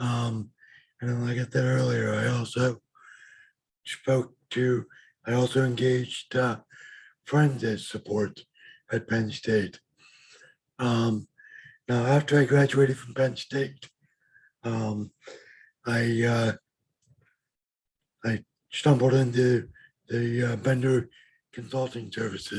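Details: Adult man with lifelong bilateral severe hearing loss and mild cerebral palsy; speech of a person with severe hearing loss.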